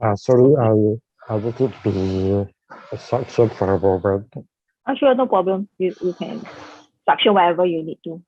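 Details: Adult speaker; Typical speech.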